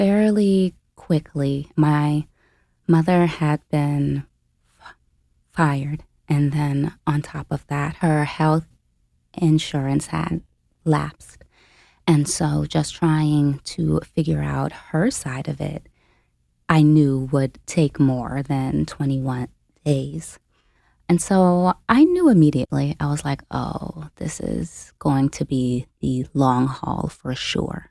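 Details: Stuttering in an adult woman, a caregiver who became full-time at 29, who self-reports having a stutter in conversational speech.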